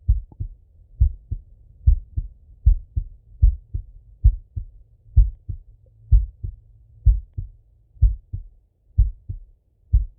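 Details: Male heartbeat heard on stethoscope auscultation: a steady lub-dub at about 60 a minute, with clear paired sounds and no extra noises; normal heart sounds.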